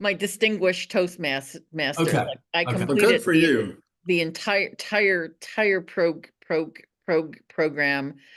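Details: Stuttering in a woman who stutters; repeated syllables and words are heard.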